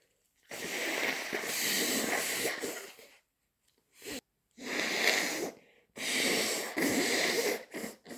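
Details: Person with a cold: several long, forceful, hissing bursts of air through the nose with short pauses between them; repeated sneezing and nose blowing.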